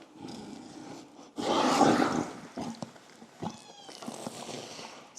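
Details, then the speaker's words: Horse with choke: loud harsh cough as a nasogastric stomach tube is passed, indicating the tube probably entered the airway/lungs. "that was probably in the lungs you got to remember horses are obligate nasal breathers right"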